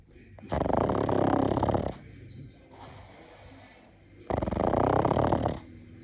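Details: Pug snoring: two long, loud rattling snores with quieter breathing between, flat-faced dog.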